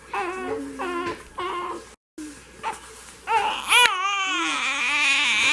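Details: Hungry 3-week-old (3 weeks 2 days) newborn boy: rhythmic, repeated cries building into a sustained wail with a brief pause; an ordinary hunger cry.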